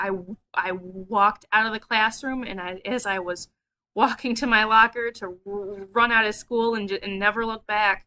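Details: A woman who stutters talks in a video about her stuttering therapy experiences; she has stuttered long-term and found it hard to make friends in college; stuttering.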